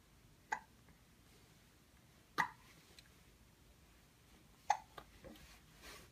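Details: Infant aged 1 month 19 days hiccuping while watching an elephant toy: three brief sharp catches of breath a couple of seconds apart in a quiet room.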